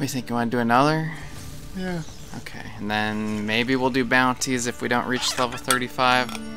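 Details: Adult male speaker; ordinary speech.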